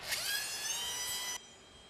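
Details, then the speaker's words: Surgical bone drill on a cadaver during a Draf 3 frontal sinus approach (outside-inside technique), drilling bone for maximal frontal sinus opening: high, steady whine rising in pitch, then cutting off abruptly. "the next thing to do is drill off all this bone till till the skin of course that is not routinely done in a tumor reection but that's done for handling frontal science pathology"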